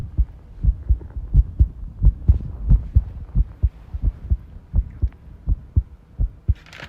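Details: Heartbeat recorded while tidying a room, with arrhythmia stated: low thudding beats at about 85–90 per minute with uneven spacing and some rustling; irregular rhythm.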